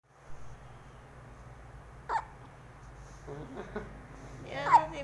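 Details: Newborn baby hiccups: about three short, abrupt catches of breath roughly two seconds apart over low room hum, normal newborn hiccups.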